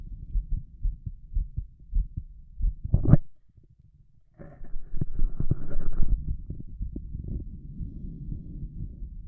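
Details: Shirtless adult male heard through a stethoscope at each heart valve, with a visible apical impulse; a loud, fast heartbeat with a brief rustle between positions; rapid, forceful heartbeat.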